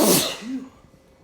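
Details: Sneezing fit recorded on an unusually warm, rainy day; the owner wonders if the weather is a factor.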